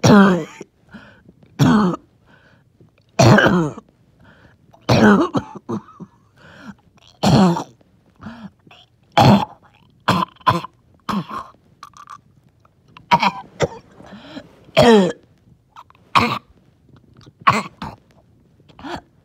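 Repeated harsh, wet coughs with throat clearing and rattly, wheezy breathing between bursts; a phlegmy, productive cough.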